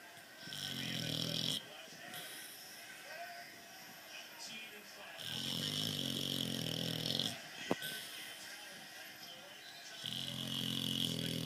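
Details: Dog snoring: three rattling snores about every four to five seconds, roughly 13 a minute, with quiet room noise between them.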